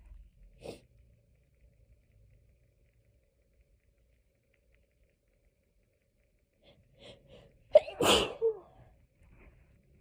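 A faint short burst, then a quiet gap, then a clear in-breath and one loud forceful sneeze; hay fever sneezing.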